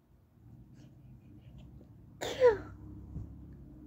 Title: High pitched stifled sneezing (F)